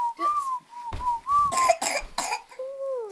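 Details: A young girl gives about three sharp, choking coughs between high, whistly breaths after her juice went down the wrong pipe.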